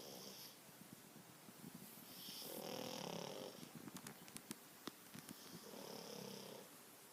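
Soft, wheezy snoring in a dog, with a raspy noise on each breath and some clicking snuffles; typical snoring in a short-nosed breed.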